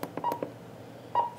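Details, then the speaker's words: Short, evenly pitched beeps: the SpO2 pulse tone of an Edan M3A vital signs monitor (SpO2 and NIBP configuration), each beep marking a pulse, with pulse volume turned up. "turn that up obviously you can hear it I'll turn that back down so that it doesn't interfere with the video"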